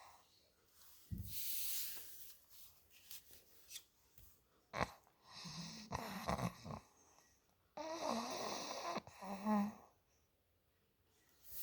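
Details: Sleeping Olde English bulldog snoring: irregular snorting, rumbling breaths with short grunts and clicks.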